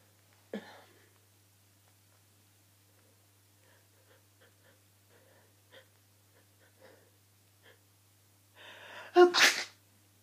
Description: Some sneezing in little fits. So so sneezy today, might have to stop recording as there are just too many.